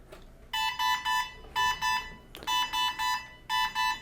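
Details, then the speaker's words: Repeating high-pitched triple-beep red alarm on a Centrimag ECMO console after the motor cable is deliberately unplugged on a training circuit, a simulated motor-disconnected alarm meaning the pump is not running. "Now I've unplugged this cable. We have a red alarm, motor disconnected. Every red alarm gets a clamp because it means we're not pumping."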